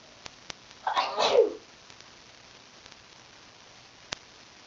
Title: Induced sneezes